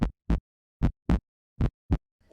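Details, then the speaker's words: Normal heart sounds: steady lub-dub at about 77 beats a minute, clean S1 (AV valve closure) and S2 (aortic and pulmonary valve closure), no murmur. "when a healthy heart beats it makes a lub-dub sound"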